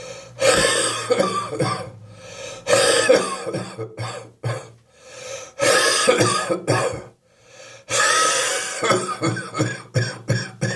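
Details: Wet, wheezy, chesty productive cough in an adult with a spring cold, wheeze on the chest in the morning: four bouts of harsh, rattly coughing with throat clearing between them.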